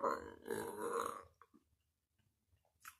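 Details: Woman burping: one long, loud, rumbling voiced burp of about a second, then near silence with a few faint clicks; belching.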